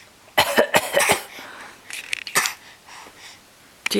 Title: crawling towards the camera (and practising his fake cough) at 9.5 months